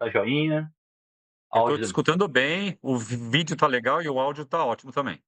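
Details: Adult man speaking Portuguese over an online call; no speech disorder.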